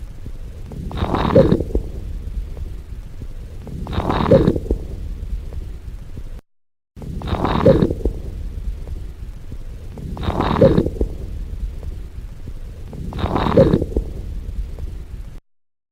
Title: Breath Sounds Crackles